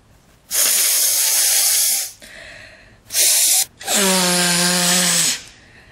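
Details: A short run of sneezes: sharp hissing bursts of expelled air, the last with a brief squeaky voiced tail.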